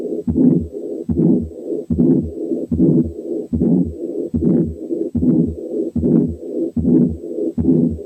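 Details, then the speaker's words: Quiz case of a to-and-fro murmur from combined aortic stenosis and aortic incompetence (double aortic lesion), to be told apart from the continuous murmur of patent ductus arteriosus. "عرفناها؟ دي كانت combined aortic stenosis and aortic incompetence عاملة to and fro murmur."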